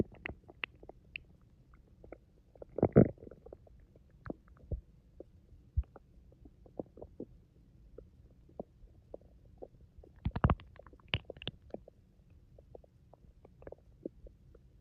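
Soft low gurgles and rumbles with a few louder bursts, typical of stomach growling from gas and fluid moving through the gut.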